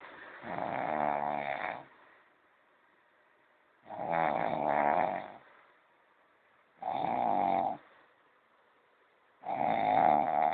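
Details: Four loud, buzzing, rattling snores with quiet pauses between them, roughly one every three seconds; snoring during sleep.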